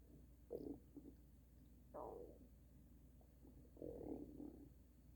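Several loud, drawn-out gurgling rumbles from the stomach over a low background hum; normal bowel sounds.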